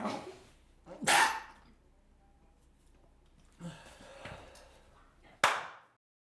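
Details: Two sharp explosive sneezes, each after a brief inward rush of air, from a person trying hard to hold in the sneezes, eyes watering.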